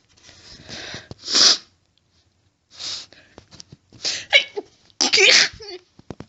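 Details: Adult female, intense sneezing fit with stifling, itchy nose: several sharp, forceful bursts of air in quick succession, some partly held back; repeated sneezing, a few stifled.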